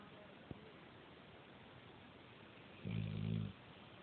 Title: Dog snoring